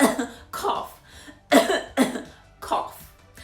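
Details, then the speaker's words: Demonstration coughing while teaching pronunciation of "cough"; the speaker mentions having a bad cough and cold. "Always put your fist on your mouth or cough in the crease of your elbow because that controls the spread of germs."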